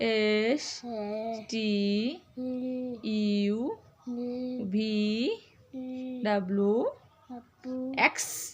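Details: Young boy with a cochlear implant in speech therapy practice, who can now repeat words after his mother and write; speech of a child with a cochlear implant.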